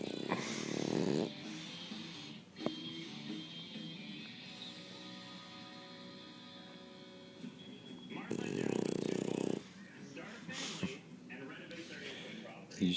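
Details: French bulldog snoring while asleep: two rough, rattling snores about eight seconds apart, with music and faint speech in the background; ordinary snoring.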